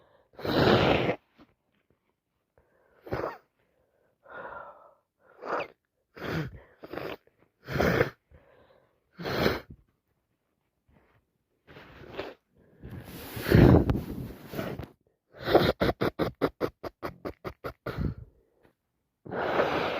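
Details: Several loud, wet sneezes with sharp noisy bursts, then a run of rapid nose-blowing puffs, on day 4 of a cold that is getting worse.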